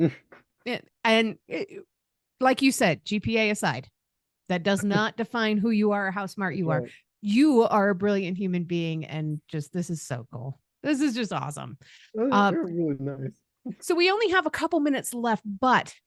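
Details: Adult woman speaking; ordinary speech.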